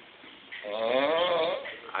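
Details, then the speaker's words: Snoring from a roommate who kept the listener awake all night: one loud, drawn-out vibrating snore on inspiration with a fluttering tone, typical snoring. "can't go to sleep. Cause this motherfucker right here snoring."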